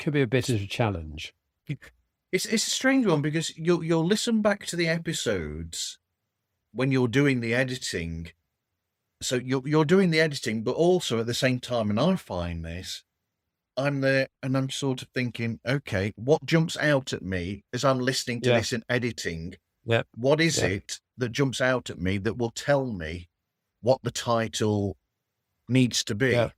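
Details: Adult man speaking, with brief interjection from another voice; conversational speech.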